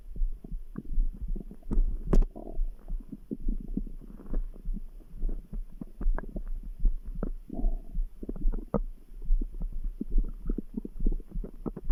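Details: Bowel sounds (borborygmi).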